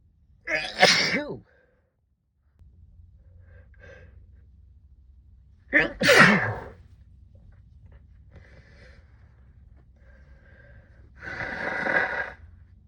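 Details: Three sneezes during a prolonged sneezing fit brought on by cold weather, muffled into a sleeve: the first two sharp, the last muffled, with quiet breathing between them.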